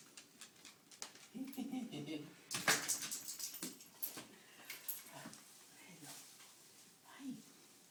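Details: Dog sneezing: a few short snorting sneezes and sniffs mixed with whimpers and soft talk in a small room; ordinary dog sneezing.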